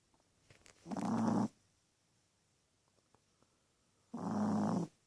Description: Our little teacup Chihuahua snoring her head off!